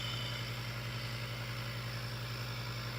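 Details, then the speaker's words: Steady loud mechanical hum and buzz of a home nebulizer compressor running, with a little mist coming out, during a home-use demonstration of the mask placed over a baby's face; nebulizer compressor running. "as you can hear it's a little bit loud I will say the machine is loud but I have found two tricks one is to make sure when you first introduce the machine that you're doing it at the daytime so they're not startled by the sound"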